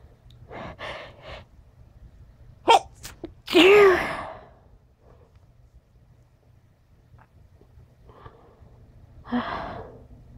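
Sniffs and a sharp gasp lead into a loud sneeze, followed by quieter sniffles and a second softer sneeze.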